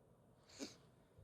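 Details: Sneezing induced by chhinkni (sneezing powder) in a woman, stifled: a single soft, muffled burst of air in a quiet room.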